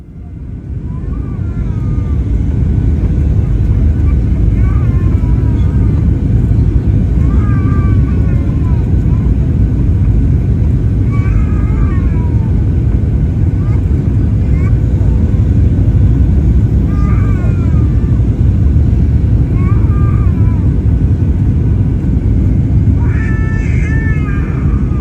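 Intermittent infant cries rise above loud, steady aircraft cabin rumble during a rough landing.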